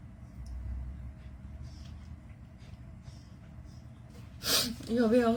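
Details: Sneeze induced in a girl by a Covid-19 nasal swab test: quiet room noise, then one sharp, explosive sneeze followed by a brief voiced sound.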